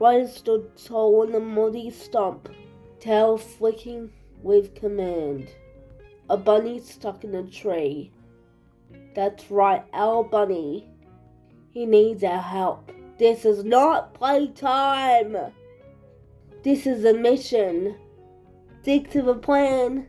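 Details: Adult reading a story aloud; speech of a person with cerebral palsy.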